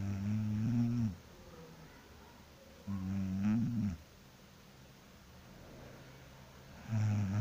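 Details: Person sleeping after work, snoring loudly: rattling snores about every three seconds, each about a second long, with quieter breathing between.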